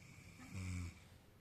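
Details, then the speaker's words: Child asked at midnight to imitate how papa snores: a single low, rumbling, buzzing snore-like sound of about half a second in a quiet room; imitated snoring. "जल्दी से बता करके बता कैसे खराटे भरते [हंसी] हैं"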